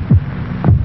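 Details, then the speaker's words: A single low lub-dub normal heartbeat presented as a human heart beating 72 times a minute in a vintage television commercial. "This is the sound of a human heart. It will beat 72 times in this minute."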